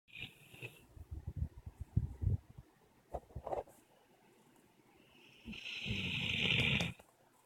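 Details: Female dog napping then waking: short snuffling, snorting snore sounds with rustling, then a longer noisy breath as she wakes; snoring.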